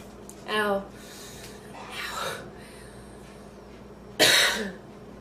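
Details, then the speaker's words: A groaning voiced sound, a breathy exhale, then one sharp, harsh cough, from an adult woman still coughing after inhaling part of a sandwich, with a sensation of food in her windpipe and pain. "i thought i was done and then i went right back into another coughing fit"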